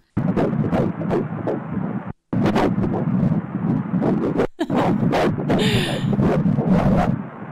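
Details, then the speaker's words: Fetal heartbeat on ultrasound at about 12–13 weeks of pregnancy, heard through a headset: rapid rhythmic whooshing pulses, roughly 170–180 a minute, described as very high. "hier op 40 seconden kan je dus de hartslag horen met headset"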